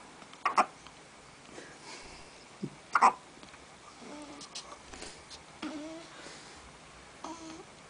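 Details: Hiccups seemingly passing back and forth between people: two sharp, abrupt catch sounds about 2.5 seconds apart, with soft babbling and quiet voices in between.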